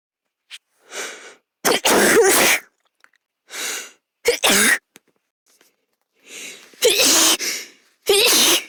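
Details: Teenage girl sneezing: three sneezes, each with a breathy in-drawn build-up and then a sharp burst, in a quiet room.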